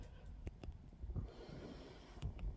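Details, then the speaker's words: Low steady airflow rumble with soft puffs as an adult with sleep apnea breathes through a nasal mask on a nightly BiPAP machine: BiPAP machine running with nasal mask. "And it's running. And I'm breathing. And I breathe air every night through this."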